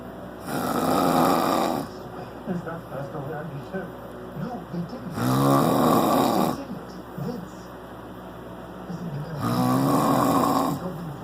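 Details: Three loud, rough snores at about 14 a minute, with softer breathing between, recorded in the dark with a fan humming; heavy snoring.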